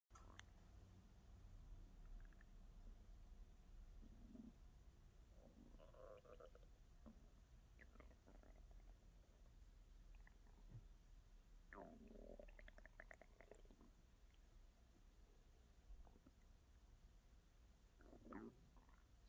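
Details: ASMR recording of hunger stomach growling (borborygmi): intermittent low gurgles and grumbling rumbles over steady background hiss.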